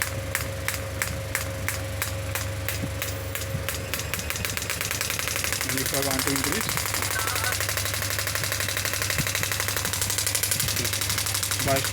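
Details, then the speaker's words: Pneumatic (air-compression) radial extracorporeal shockwave therapy device: rapid mechanical clicking pulses over a steady hum, energy raised from 3 to 10 bar and pulse frequency adjusted slower and faster; a shot counter stops the machine at 2500. "I'm increasing the energy from three bar to 10 this is quite high energy value you can see if I want to decrease the frequency I can decrease"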